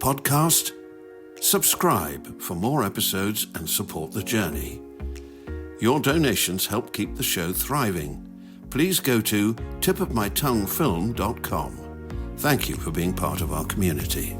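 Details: Adult male speaker; no disorder.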